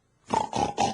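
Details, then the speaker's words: Adult imitating, at lower volume, the heavy snoring of obstructive sleep apnea with repetitive breathing pauses: three quick, rough snorting snores; sleep apnea snoring (imitation). "what is sleep apnea it's heavy snoring with repetitive pauses in breathing I'm going to emulate it but I can't possibly put out the volume that wakes an entire household up when a person has sleep apnea sounds like this"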